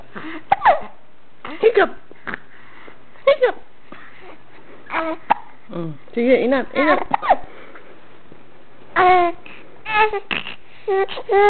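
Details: A young boy with hiccups: repeated short, abrupt voiced catches at irregular intervals amid babbling; hiccups.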